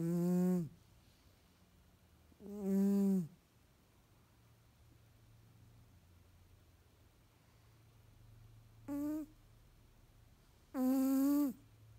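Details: Nasally Tonkinese cat asleep: four tonal, buzzing snores with quiet gaps, each dropping in pitch at the end; snoring.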